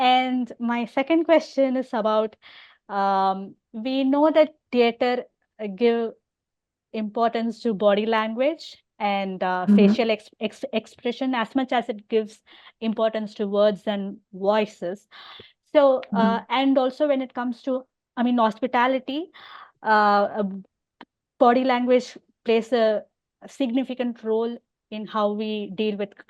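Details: Adult woman who stammers openly (overt stammering) and also has hearing loss; stuttering.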